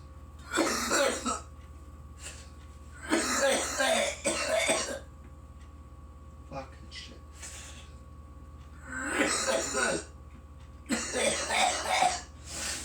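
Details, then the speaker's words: Repeated clusters of harsh, loose coughing over several seconds with a steady low hum behind, right after a large bong hit of cannabis; coughing fit after smoke inhalation. "okay good morning everybody this is going to be like a like a we cough video cuz I just hit a mass of bong and I'm coming like a [ __ ]"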